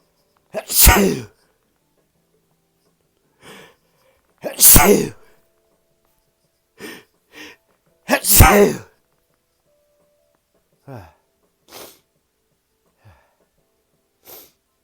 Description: Just some sneezes for y’all no talking.